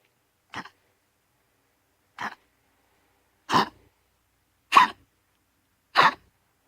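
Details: Chronic cough for 10 days in a female Pomeranian: five short harsh cough bursts a few seconds apart; vets excluded heart disease, pneumonia and tracheal collapse and don't think it is kennel cough; cause unknown.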